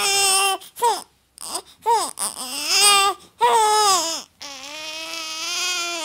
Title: Baby Crying Sound Effects | New Born Baby Crying Sound Effects No Copyright